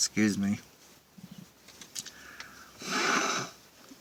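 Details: Adult deliberately inducing sneezes by sniffing pepper, sitting in a car with a towel: short voiced build-up and sniffing, then one breathy, hissing sneeze burst over quiet background.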